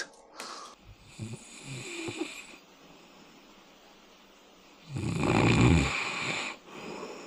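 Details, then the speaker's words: Adult man snoring while asleep, filmed testing anti-snoring devices (mouthpiece, chin belt, nose strips): a weaker rumbling breath, then loud, harsh, rattling inspiratory snores with quiet gaps between. "So you have seen it all and I know I sound like horrible when I'm sleeping although snoring."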